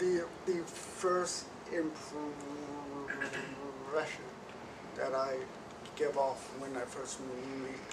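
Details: Male who stutters, recorded before joining the McGuire Programme stuttering course, so untreated by it at this point. Finding: stuttering.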